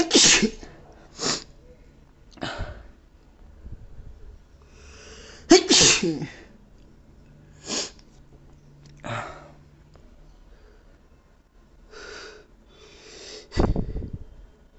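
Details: Adult with a very sensitive nose sneezes forcefully about eight times in quick succession: powerful allergy sneezing fit.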